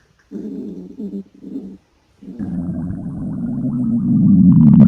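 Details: Three girls fasting for 24 hours, stomach sounds recorded: low rumbling gurgles in short bursts, then a long, rising, bubbling growl; hunger-related stomach growling (borborygmi).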